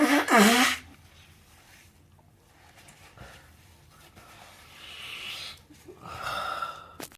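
A sharp, loud burst at the start fits a sneeze, followed by quieter breathing and small sounds in a quiet room.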